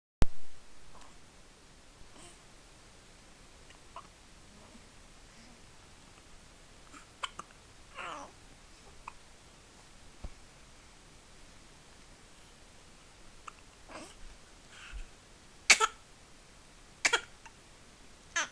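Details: Infant hiccuping: short, abrupt catches every one to two seconds in a quiet room, with a few soft breathy sounds; hiccups.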